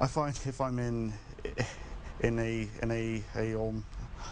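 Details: Adult man who has stuttered his whole life, screened for a phase 3 trial of an investigational stuttering medication; severe stuttering with part-word and word repetitions; stuttering.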